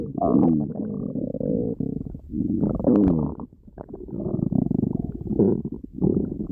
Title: loud stomach growling Tiger